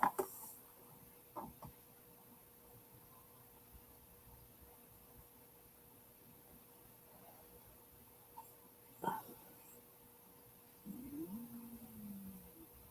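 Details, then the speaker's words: Adult's stomach growling (borborygmi) in a quiet room, heard as a low gurgling, squeaky rumble after faint clicks; the person says they had eaten fried cabbage beforehand. "Oh, did you hear that? That was my stomach. I don't know why it did that."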